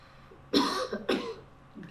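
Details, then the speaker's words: Two strong, separate cough bursts from an adult demonstrating a self-assisted cough technique (breathe in, hold, lean forward, cough), as taught for spinal cord injury; forceful voluntary cough. "so from this position you're going to do the same four phases of the cough so you're going to breathe in hold it come forward and cough and we'll have a base in there to collect any mucus that comes"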